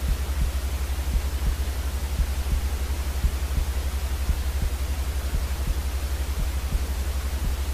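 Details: A white-noise recording for soothing colicky babies: a steady hiss with regular low heartbeat thumps underneath, paired sounds at about 85 beats a minute.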